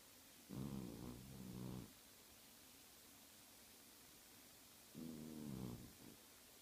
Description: My cat snoring and twitching while sleeping.